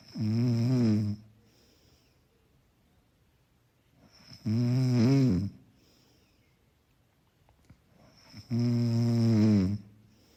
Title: Snoring == Soft and Mellow, Background sound for effortless sleeping.